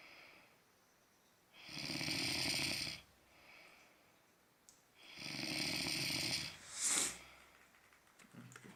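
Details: Snoring like a train: loud, harsh snoring with two long rattling inspiratory bursts and a short snort in a quiet room.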